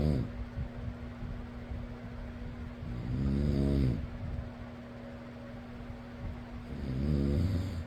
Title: fan noise + person snoring.